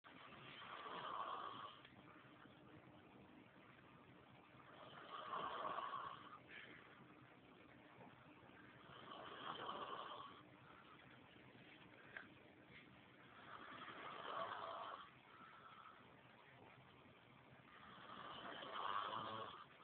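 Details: Man asleep on a couch; slow, rhythmic rumbling snores, about 14 breaths a minute, under steady background hiss: snoring.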